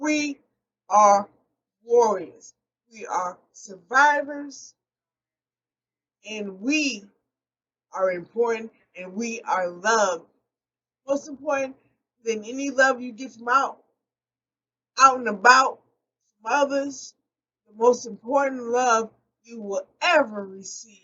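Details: Adult woman with post-stroke aphasia, real, speaking unscripted; she says she does not always correct her word errors. Finding: aphasia.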